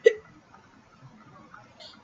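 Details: Person with hiccups for an hour, also with a toothache treated with Orajel: a single sharp, abrupt hiccup, then a quiet room; hiccups.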